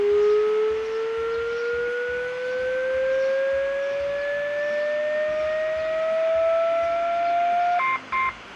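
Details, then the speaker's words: Automatic external defibrillator in a demonstration: after "shock advised", a steadily rising charging tone ends in short ready beeps, followed by the prompt "stand clear, push to shock". "Stand clear. Push to shock."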